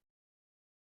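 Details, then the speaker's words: A newborn in severe respiratory distress, with chest indrawing and scissoring of the feet, gives two brief voiced sounds on breathing out, the second rising then falling in pitch; expiratory grunting. "the mask is too big for the baby the baby is actually grunting and the baby is in severe respiratory distress"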